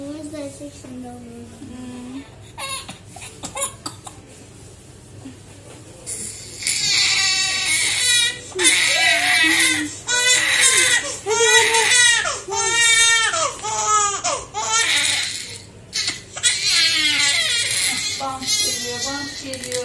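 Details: Two-month-old premature baby boy crying after his second vaccination with three injections: quiet fussing and adult voices, then loud, sustained, high-pitched wailing bursts with gasps between, a pain cry.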